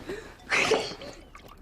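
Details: A sharp, airy sneeze burst over quiet background, acted in a period drama scene; simulated sneeze.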